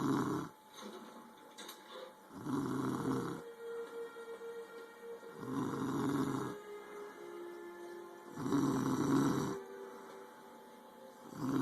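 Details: Female dog sleeping and snoring loudly with rhythmic snoring breaths, about 20 a minute, and faint music in the background.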